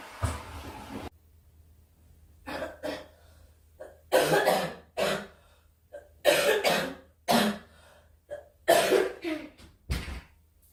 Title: Girl Coughing 310